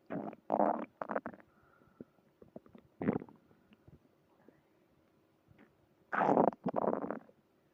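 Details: Bursts of gurgling, rumbling growls separated by quiet stretches, heard early in the morning: ordinary stomach growling.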